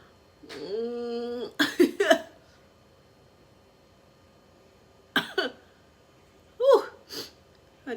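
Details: Sneezing during a Covid-19 PCR nasal swab test: a drawn-out vocal sound, then sharp, sneeze-like bursts and gasps triggered by the nasal swab.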